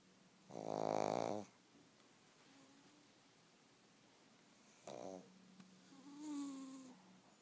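Two or three nasal, groaning snore sounds with quiet between them in a small room; snoring during sleep.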